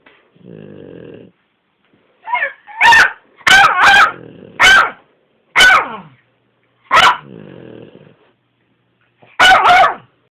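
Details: Dog awake, not sleeping, making low rattling snore-like breathing broken by sharp barks and yips; cause unknown to owner; stertor.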